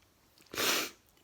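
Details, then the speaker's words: Indoors, a person whose sneezing has started again despite an air cleaner, unsure why (maybe tired), gives a single sharp, hissing sneeze after a short intake of breath. "inside again and the sneezy snap and the sneezing it started again but i have an air cleaner so i have no idea why i'm sneezing"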